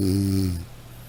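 A single brief droning snore that fades into quiet; a snoring sound effect.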